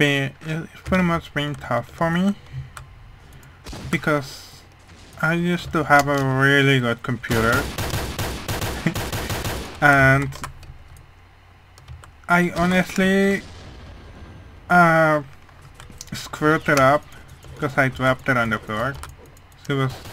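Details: Male speaker who says his voice sounds as it does mainly because of a hearing problem, not his accent; speech of a person with hearing loss.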